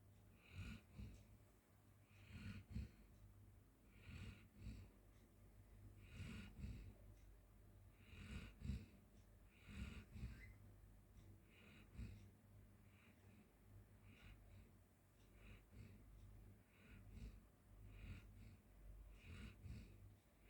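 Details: Golden Retriever dog sleeping on the floor, giving repeated soft, rattly snoring breaths about every two seconds with some snuffling, low room hum underneath; snoring.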